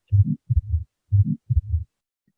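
Slow heart rhythm, about 57 a minute, with a soft rushing murmur after the first sound: systolic ejection murmur of ASD.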